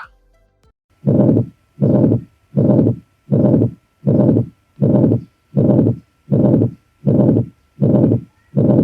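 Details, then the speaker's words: Simulated cardiovascular physical-exam skills-lab demonstration on an adult male patient, with murmur timing, location, radiation, intensity, pitch and grade assessed; regular heart sounds about 80 a minute, each beat carrying a long rough murmur; heart murmur. "Kemudian ee di mana buising jantung tersebut terdengar paling keras, kemudian radiasi atau penjalaran bising dari tempat yang paling keras terdengar di mana, kemudian intensitas bising tersebut bagaimana, nada dan derajat dari bising jantung tersebut seperti apa?"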